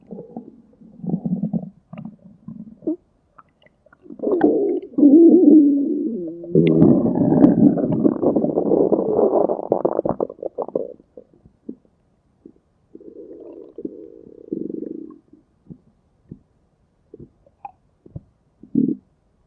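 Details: Stomach growling sound effect: low gurgling, rumbling bursts of borborygmi, a normal digestive sound.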